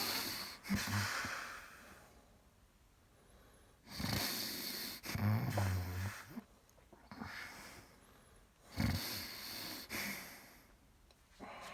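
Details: Stertorous breathing during a generalized (grand mal) tonic-clonic seizure in a woman: irregular loud snorting, gurgling breaths with pauses between them.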